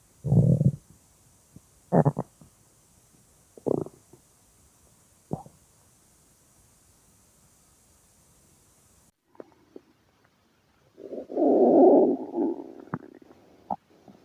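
Short separate gurgles, then a longer rolling rumble after a quiet pause; stomach rumbling from bowel activity.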